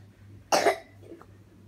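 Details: A single short, loud cough burst from a young girl with a cough, followed by quiet room noise with a low hum; cough.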